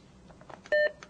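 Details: A single short electronic beep from a defibrillator running its self-test after the battery is inserted, following a few faint clicks; a normal device check tone.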